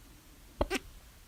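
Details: A single abrupt, loud gulping hiccup in a quiet room at 3:04 a.m., attributed to overeating at dinner; very loud hiccups occur with mouth open. Hiccup.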